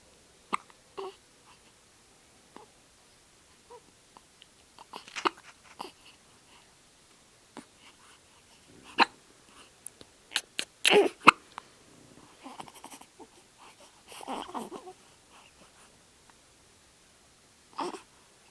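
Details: Ten-day-old female newborn with hiccups after a milk feed: brief, sharp, irregular hiccup sounds mixed with small fussing noises; normal newborn hiccups.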